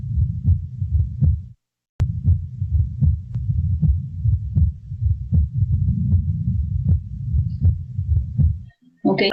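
Regular heart sounds at about 79 beats a minute with a subtly doubled second sound; paradoxical splitting of S2. Brief voice at the end.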